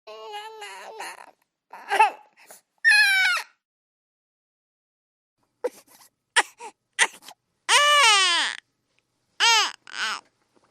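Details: Bursts of high-pitched infant crying, screaming and whimpers separated by pauses, with music; ordinary infant cry.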